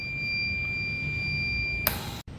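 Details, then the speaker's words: Steady high-pitched tone over machine hum, cut off by a short noise burst: overpressure alarm on a BIOROHM VitalSave RES1441 transport ventilator as rising flow pushes peak pressure toward 30, in a demonstration. "seguimos aumentando el flujo 24 y cuando llegue a 30 o cerca de 30 activara la alarma de sobrepresión"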